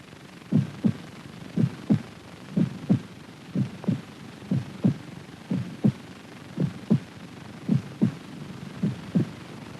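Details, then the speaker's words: Steady, even paired lub-dub heart sounds at about 60 per minute over light hiss, recorded alongside an optical light-spot motion recording of the heartbeat to time valve action; 1953 television research film. "the light is moving in response to the beat of the heart we record the heart sound at the same time to identify the action of the heart valves"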